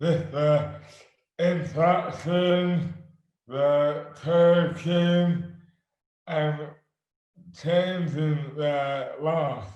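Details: Adult man with dystonia; slurred speech began suddenly overnight after a night out on the May bank holiday 2008, without known cause; hands also affected; speech dramatically impaired; dysarthria due to oromandibular dystonia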